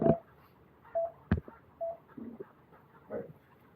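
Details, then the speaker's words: Patient monitor pulse oximetry tones during pre-oxygenation before endotracheal intubation, used to track saturation by ear: short, single-pitch beeps with each heartbeat over quiet room noise. "But I usually place it in the side where I can visually see and I can hear it. I'm just going to lower it so that you guys can hear."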